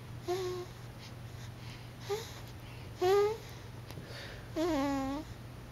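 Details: Four high, squeaky whistling sounds on the breaths of a sleeping pet, about 38 per minute, over quiet room hum: a whistling snore.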